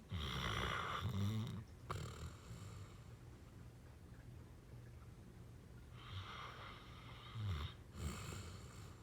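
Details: Deep, rumbling snores with snorting on each breath, about two breaths in nine seconds; loud snoring.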